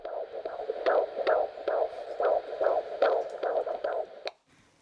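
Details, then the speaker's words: Fetal heartbeat on Doppler at a midwife prenatal visit of a pregnant adolescent: rapid, regular whooshing pulses at about 145 beats per minute, within the normal range. "alors la sage-femme le réserve une surprise écouter le cœur du bébé"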